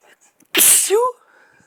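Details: One sneeze from a run of about twelve sneezes: a single sharp, hissing sneeze ending in a short voiced tail; sneezing.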